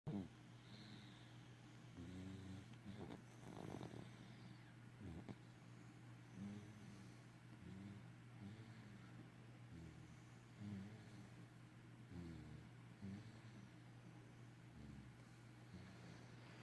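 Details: Quiet, low rumbling snores recurring every couple of seconds over a steady background hum; ordinary snoring.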